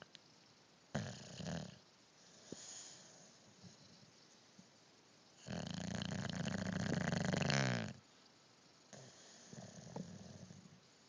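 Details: Snoring: loud rattling snores, one long and heavy, with quieter breaths between them in a quiet room.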